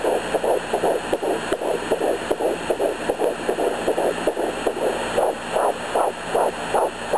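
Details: Home fetal Doppler at 11 weeks of pregnancy: rapid, regular whooshing fetal heartbeat at about 150–160 bpm. The mother hears two distinct heartbeats, about 162 and 150 bpm, and wonders about twins; one dot and a yolk sac were seen at 5 weeks 6 days.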